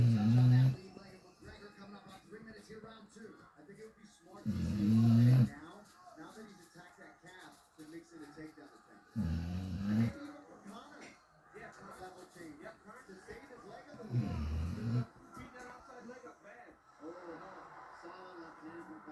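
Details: Dog snoring very loudly while asleep: loud, low rumbling snores about every five seconds, roughly 13 a minute, over faint room noise and distant television.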